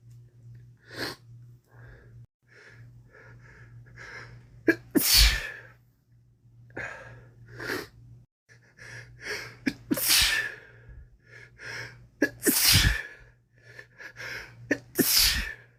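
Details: Man with a common cold, recorded during a week of cold progression; sniffles and short inhalations build to four loud sneezes in a row, with nasal sniffling.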